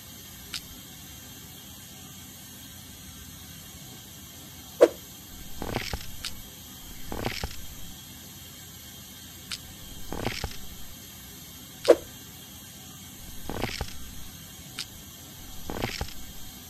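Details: Tooth extraction at a dental clinic: sharp metallic instrument clicks and brief rushing suction bursts at intervals.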